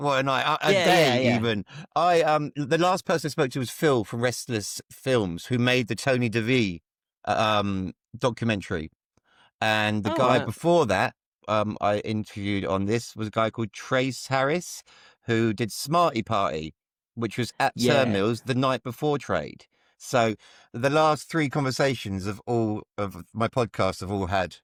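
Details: Adult male speaker; typical speech.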